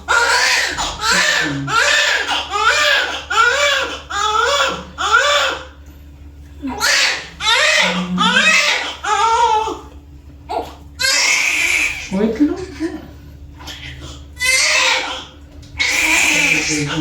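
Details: Loud, repeated rhythmic wails of a newborn baby girl crying vigorously right after delivery, with room noise; a strong, normal newborn cry.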